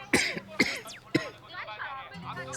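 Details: Three sharp acted coughs in quick succession in a cough syrup TV commercial, then brief speech with soft music in the background.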